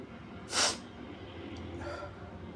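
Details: Sneeze induced by tickling with paper tissues: a single sharp, forceful, wet sneeze burst followed by quieter breathing; sneeze.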